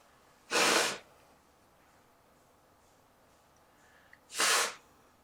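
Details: Adult sneezing: two separate sharp, hissy bursts of air about four seconds apart in a quiet room.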